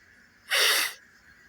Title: wake up sneezes